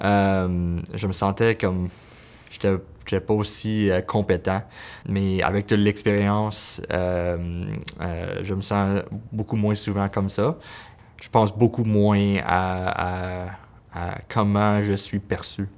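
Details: Stuttering in an adult male pediatric physiotherapist who stutters, with word repetition.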